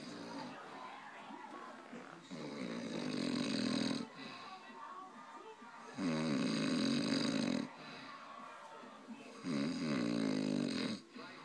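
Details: A father asleep, snoring: loud, rough snores on each in-breath, about every 3.5 seconds (roughly 17 a minute), with quieter breathing between.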